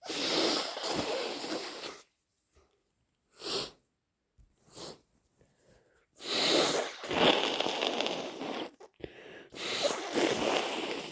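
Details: Loud, wet bursts with brief sniffs between, repeated sneezes, sniffling and nose blowing; sneezes possibly induced, allergies suspected.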